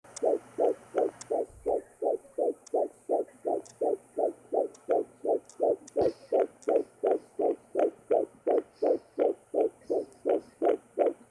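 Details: Fetal heartbeat on a handheld Sonoline fetal Doppler: rapid, steady whooshing pulses at roughly 140–160 a minute.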